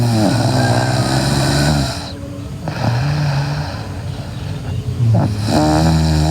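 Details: Sleeping girl with loud, harsh buzzing snores on each breath, about three in six seconds, with steady background hiss: snoring.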